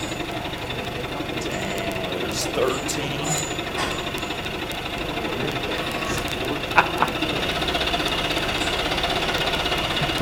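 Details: Person trying out a high-frequency chest wall oscillation physical therapy vest while its frequency setting is changed: steady, rapid mechanical buzzing and pulsing at about 13 pulses a second.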